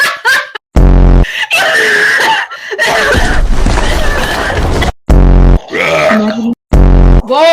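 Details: Several loud, deep, drawn-out voiced belches amid laughter and noisy voices, heavily distorted by an overly loud microphone; burping.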